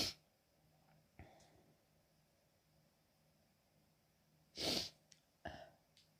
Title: coming down with a cold - small, hitchy sneezing fit (f)